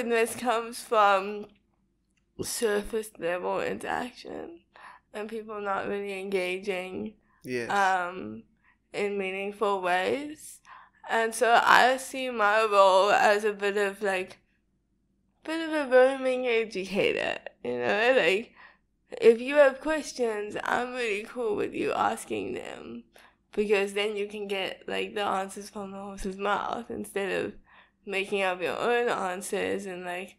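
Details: Young woman with cerebral palsy diagnosed at 11 months, speech not very clear; dysarthria.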